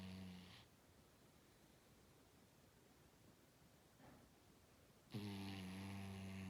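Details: Snoring: two loud, low, buzzing snores separated by a quiet pause of about four seconds; ordinary snoring.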